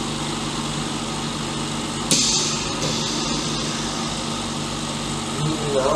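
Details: Oxygen concentrator switched on after repair and filter cleaning to test it: steady machine hum with a switch click and a burst of hissing air as it runs.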